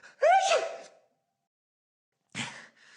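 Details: Simulated: voice-acted male game character during a phone call, sneezing repeatedly; a sharp voiced gasp, then a quick sneezing burst in an acted sneeze build-up.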